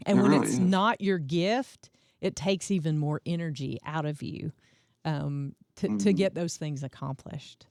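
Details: Adult speaker; ordinary speech.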